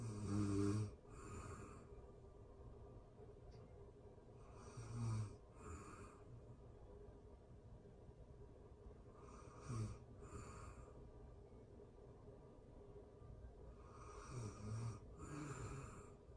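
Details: Real-time recording of a person asleep: low rumbling snores on each in-breath, followed by soft out-breaths, about 13 breaths a minute, over steady room hiss; ordinary snoring.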